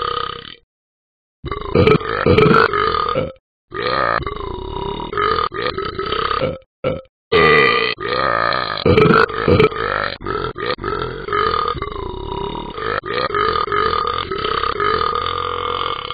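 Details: Talking Ben the Dog app character: a series of long, loud, voiced belches with brief pauses between them; repeated burping.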